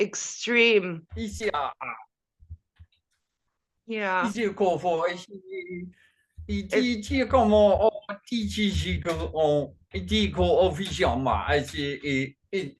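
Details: Functional neurological disorder in a man with foreign accent syndrome and gibberish speech during a bout; the accent changes between French, German, Slavic, Russian or Asian and sounds Chinese today; onset around 2019 with non-epileptic seizures; worse with strong emotion.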